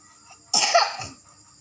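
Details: A single harsh, forceful cough from a 5-year-old child while reciting during a Quran memorization test (juz 1), which the child still passed with a good (jayyid) grade.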